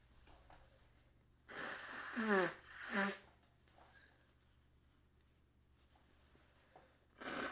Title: Mainly Nose Blowing. A Few sneezes.